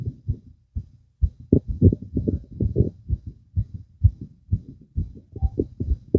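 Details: Fast, visible heartbeat: rapid, dull low thumps at about 128 a minute with somewhat uneven spacing, a fast heartbeat (tachycardia).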